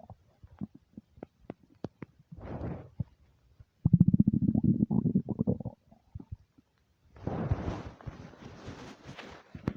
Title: angry empty stomach rumbles